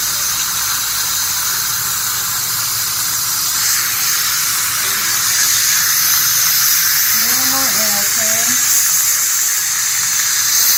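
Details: Steady, high hissing dental water spray and suction with brief child vocal sounds in the middle, during sealant application on a young boy's teeth at a dentist visit.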